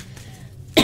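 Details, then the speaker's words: A single short cough or throat-clear from an adult who reports wheezing and a day-long migraine, bursting out after a quiet stretch with low room hum. "Excuse me. Let's take a look. Can you hear me wheezing? I don't know what the heck's going on."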